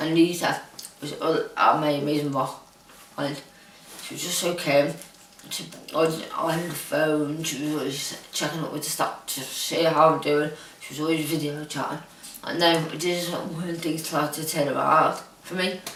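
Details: Dysarthric speech in an adult woman diagnosed with Huntington's disease.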